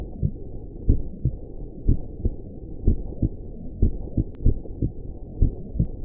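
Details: Steady, regular lub-dub heartbeat at about 60 beats a minute over a soft, constant low whooshing hiss, offered as a relaxing sleep sound for newborns; normal heartbeat.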